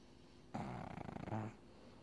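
A single short, fluttering, rattly snore on a breath, typical of a flat-faced dog sleeping.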